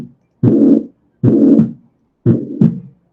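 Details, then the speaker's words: Systolic (pansystolic) murmur of tricuspid regurgitation, described as similar in shape to mitral regurgitation; tricuspid regurgitation murmur. "La insuficiencia mitral e insuficiencia tricuspidea, los dos son o los sistólicos o pansistólicos, entonces los dos son continuos, ¿no?"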